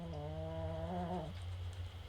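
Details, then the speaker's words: Dog (probably Toby) snoring while asleep, tired after heavy play: a single buzzing, droning breath of about one second over a steady low room hum. "I'm sorry but y'all are hearing one of my dogs snoring it sounds like it might be Toby this time believe it or not he was playing pretty heavy while ago so he's tired"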